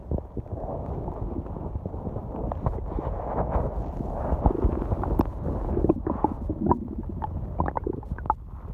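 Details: Long stomach growling at night: long, low continuous rumbling with scattered gurgles and pops, normal gut sounds (borborygmi).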